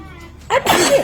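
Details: Single sudden infant sneeze from a baby girl sitting up, breaking a quiet moment: a short breathy burst with a high voiced tail.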